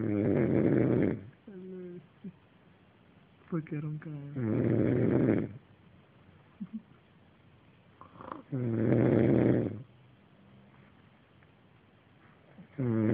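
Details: Snoring during sleep: three loud, rough, low-pitched snores on the in-breath, roughly four seconds apart, with quiet out-breaths between.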